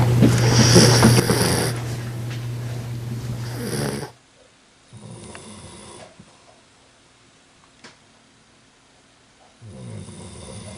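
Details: Low rumbling snores with quieter breaths between louder stretches, over background music, from a sleeping golden retriever puppy (female) curled up in a ball; said to snore like her grandfather; snoring.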